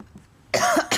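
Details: Cough in a person who says they are sick, with a cracking voice: a quiet moment, then one loud, harsh cough burst with a brief second burst.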